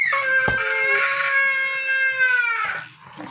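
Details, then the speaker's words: Young child, possibly one of twins, crying after quarrelling with mommy: a long, high, sustained wail ending in a breath. "Bakit kaya may naiyak na bata?"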